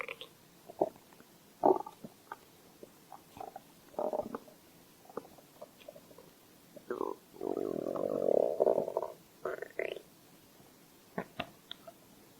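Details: Stomach growl: irregular gurgling rumbles and squelches of varying length, one longer growl midway.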